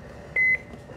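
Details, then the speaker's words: Single short electronic start-up beep over quiet room noise as a GE Dash 4000 patient monitor is switched on during a biomedical technician preventive maintenance check; normal power-on tone. "first off we need to turn it on"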